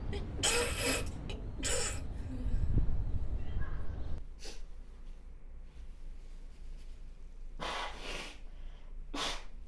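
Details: Adult woman with hay fever who can't stop sneezing: repeated, strange-sounding sneezes.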